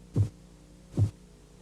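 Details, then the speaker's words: Korotkoff phase 2 during blood pressure measurement: tapping accompanied by a murmur or swishing sounds, two low tapping beats with a soft swishing quality heard while the cuff deflates. "al comienzo de la fase korotkov 2 El golpeteo está acompañado de un murmullo o de sonidos de crujidos"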